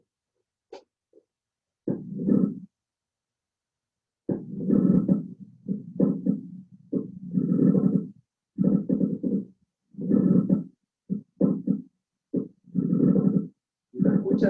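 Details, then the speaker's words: Simulated on a teaching manikin: coarse creaking, grating bursts in both inspiration and expiration, like rubbing dry leather, arising from the pleura. Pleural friction rub. "¿Qué les hace recordar esto? Un frote. Generado en la vía aérea. Dijimos que puede generarse en el intercostal, el resto del ruido cerebral, o en la pleura. ¿Y esto qué les hace recordar? El roce del cuero seco."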